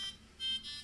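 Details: Repeated high-pitched electronic alarm tones from an MJ210 infusion pump during a training demo, signalling an upstream occlusion; the alarm is silenced, the problem fixed, then the pump restarted.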